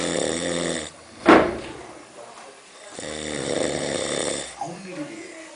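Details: Sleeping person: two loud, rattling inhaled snores with a sharp knock between them; snoring.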